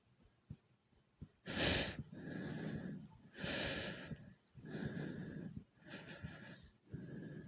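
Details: Loud, rapid, deep breaths with little pause, about 30 a minute, after doing 30 jumps in place, heart beating fast: normal heavy breathing after exercise.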